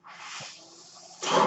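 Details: Home mechanical ventilator that a podcaster says is his own, audible in the background as he speaks: mechanical ventilator airflow.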